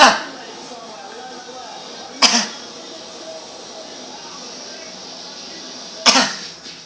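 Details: Playful imitation of dad's cough, recorded August 2011: three sharp, explosive cough bursts spaced a few seconds apart.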